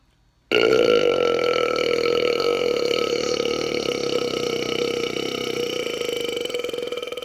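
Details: One long, loud, rumbling burp lasting almost seven seconds, steady and gradually fading; a deliberate belch from a burp compilation.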